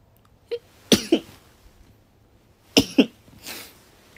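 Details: Sneeze from a K-pop performer: two sharp, explosive double bursts, then a soft breathy exhale in a quiet room.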